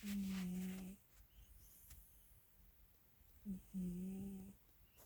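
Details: Sleeping cat snoring: two long, steady buzzing snores a few seconds apart with quiet between.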